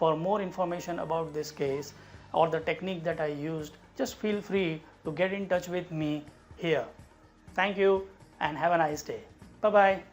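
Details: Adult speaker; typical speech.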